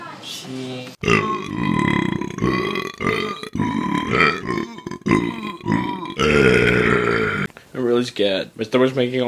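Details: Vine compilation clip of deliberate burping: a series of loud, drawn-out, voiced belches in quick succession.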